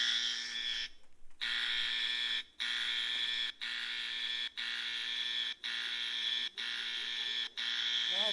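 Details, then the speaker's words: Simulated nurse call buzzer in a comedic stage play set in a hospital: repeated electronic tones about one second long with brief gaps. "i swear to my ever-living day i have pushed this nurse buzzer 500 times since i've been in this hospital"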